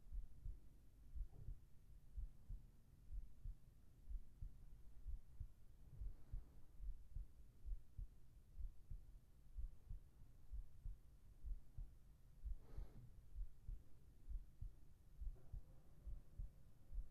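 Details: Heartbeat recording for sleep relaxation with whispered voice: soft, steady low thumps at about 65 beats per minute under a faint hum; normal heartbeat.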